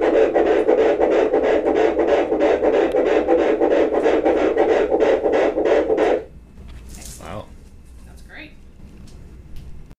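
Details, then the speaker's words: A fetal heartbeat at 11 weeks of pregnancy, heard on Doppler, is rapid, regular and whooshing at about 180 beats a minute; it is described as a good heartbeat. "there's a good heartbeat. And you can see it."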